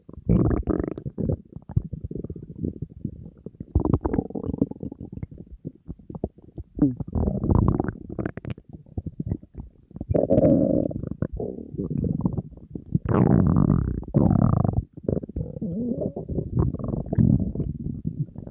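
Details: Hunger borborygmi from an empty stomach of a dieting person surrounded by food: loud, nearly continuous low rumbling and gurgling, ordinary hunger growling that barely stopped all day.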